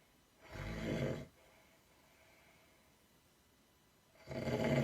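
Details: Two long, low, rough rattling in-breaths separated by a quiet pause, from sleeping bodybuilders; snoring.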